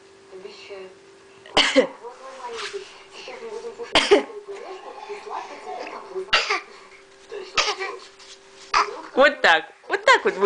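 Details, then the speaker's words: A young daughter learning to talk playfully imitates her mother's and grandmother's coughing: six or seven short, sharp cough sounds mixed with soft voices. "Вот так мы тебя засни смотри как она передразнивает кашель бабушка кашляет она кашляет мама кашляет и доча кашляет"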